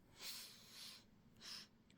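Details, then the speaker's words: A dog sleeping at the owner's feet snores with soft, airy nasal snorting breaths, a light, harmless sleep noise likened to an old man's snoring. "Наши собаки храпят как дедушки старые Так что под это урчание храп мы с вами продолжим рассказы"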